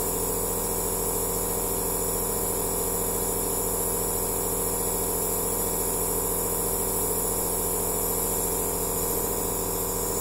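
Continuous motor hum and buzzing hiss of a nebulizer in steady operation, with no breaks.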